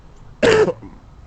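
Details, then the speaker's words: An adult with a recent cold gives one short, harsh cough burst in a quiet room while talking to camera. "it excuse me I need to stop coughing on the screen that's unprofessional"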